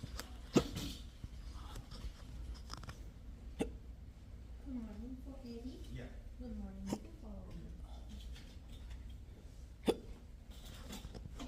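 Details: Sharp hiccups about every three seconds, four in all, with a brief spoken exchange between them, recorded at a doctor's office in a patient with diagnosed persistent intractable hiccups; persistent hiccups.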